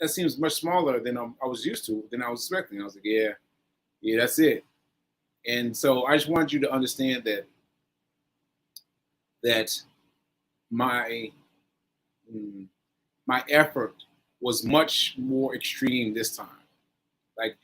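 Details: Post-stroke aphasia in an adult man, stroke on 7/14/22, recorded 7/4/23 during recovery; word-finding difficulty with fillers and restarts; aphasia with word-finding pauses.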